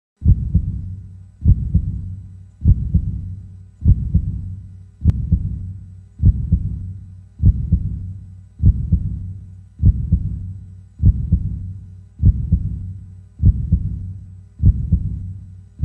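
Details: Calm, steady heartbeat recorded for relaxation: regular low thumps at about 50 beats a minute with a steady rhythm. Normal heartbeat.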